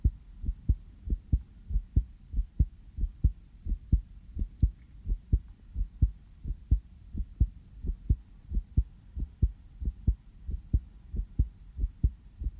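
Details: Person's own real heartbeat heard through a sensitive stethoscope, possibly slightly fast after just coming in from outside: regular crisp lub-dub at roughly 90 beats a minute, no added noises; normal heart sounds.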